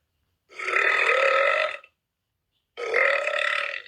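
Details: Two long, loud, drawn-out burps, each over a second, with a brief silence between them: burping.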